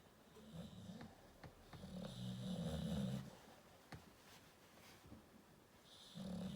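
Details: Dog snoring with eyes open (American Staffordshire Terrier): rough, rattling low snores on breathing in, with a fluttering quality and quieter gaps between breaths.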